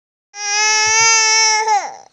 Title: Baby cry | baby funny